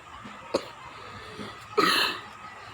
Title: Sorry I got cough 😫